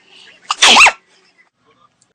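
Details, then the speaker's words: A quick inward breath, then one loud, forceful sneeze with a voiced, hissing burst; sneeze. "excuse me sorry excuse me I'm so sorry my allergies have been going crazy since this morning"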